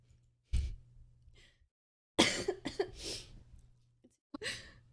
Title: twitch streamer coughing and a burp